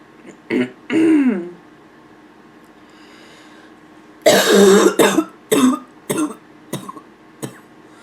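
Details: Nonstop barking cough: harsh, hoarse coughs with a pitched, barking edge, then shorter cough bursts and throat clearing.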